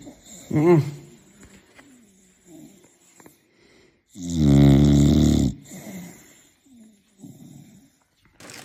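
Loud, deep rattling snore lasting over a second, with quieter breathing noises around it; ordinary heavy snoring.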